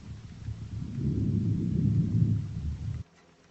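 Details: Normal vesicular breath sounds heard with a stethoscope at symmetric points along the scapular line on the back (7th–9th intercostal spaces), equal on both sides.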